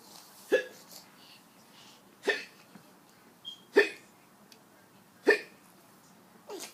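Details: Infant hiccups: four short, sharp hiccups about every one and a half seconds with quiet room sound between.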